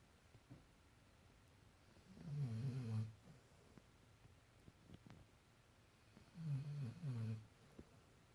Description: My puppy snorring when she sleep.Funny